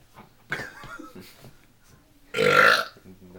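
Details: People deliberately burping for fun: a short, quiet voiced burble, then one loud, forceful belch, with faint talk in the background.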